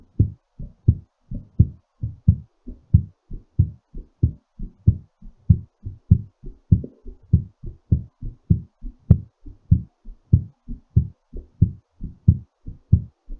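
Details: Quick, steady, regular heartbeat at about 98 beats a minute, raised during recovery after exercise; normal heartbeat after exercise.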